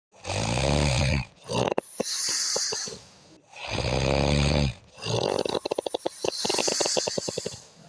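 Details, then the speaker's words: Snoring: loud, rattling snores in repeated breath cycles, typical of heavy snoring during sleep. "आप भी ऐसी आवाज़ों से परेशान हैं, आपका भी कोई फैमिली मेम्बर स्नोर करता है, खर्राटे लेता है,"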